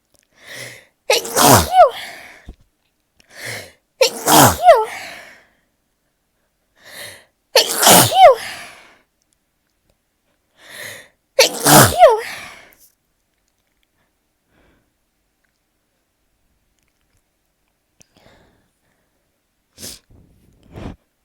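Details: A sneezing fit: four forceful sneezes in quick succession, each preceded by a short catching inhale, then quiet, while lying beneath a ceiling fan in summer, the person's sneeziest season.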